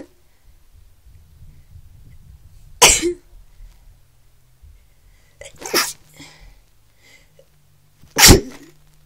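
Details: Person feeling very unwell with sneezing and coughing: three sharp explosive sneezes over about nine seconds, each with a quick intake before; repeated sneezing.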